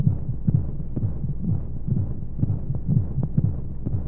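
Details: Womb sound for baby sleep: muffled, whooshing heartbeat at about 125 beats a minute under a steady low hum of white noise and monotonous flowing sounds. Heartbeat.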